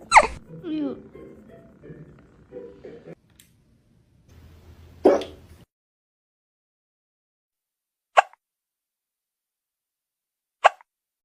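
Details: Brief sharp hiccup bursts, about four in eleven seconds, after a short voiced sound, with quiet gaps between them; hiccups attributed to eating food too fast.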